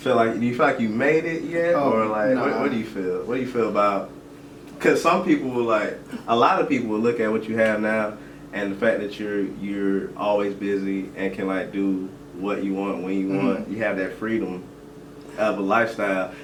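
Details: Adult man; normal speech.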